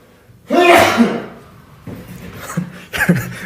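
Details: One loud, sudden adult sneeze interrupting speech, followed by a brief quiet recovery and faint speech sounds.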